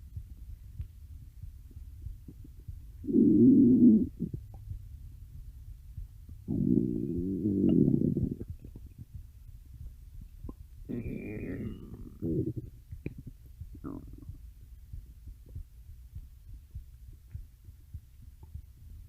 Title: stomach growling (request for @DeadlyCrowPhantomGhostsX2K975 )